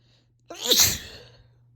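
A single loud, sharp sneeze: a short breath in followed by a forceful, hissing burst of air that fades quickly.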